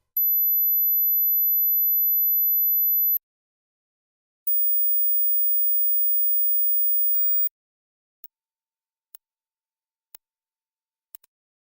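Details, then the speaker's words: Very high, thin steady tones rising from 8,000 Hz upward, each higher than the last, then faint ticks: an age-related high-frequency hearing test. "okay if you can hear 8,000 Hertz you're both alive and not hearing impaired but let's keep raising the frequency"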